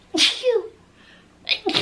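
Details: Woman sneezing: a sharp sneeze with an audible intake before it, then the start of a second sneeze.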